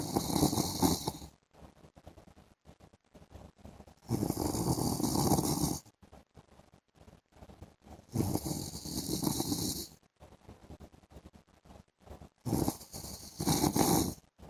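Loud rattling snores about every four seconds, roughly 15 a minute, with quiet breathing between them.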